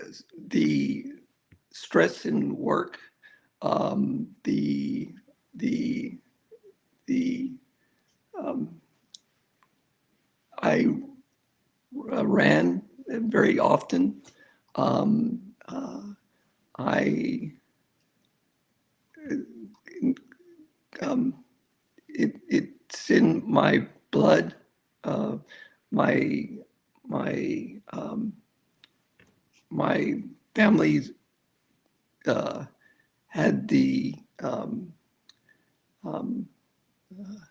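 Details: Non-fluent aphasia in a man after a severe stroke at age 47 (December 2006) that began ischemic and turned hemorrhagic, more than a decade into rehabilitation; he reports it is worse when he is excited.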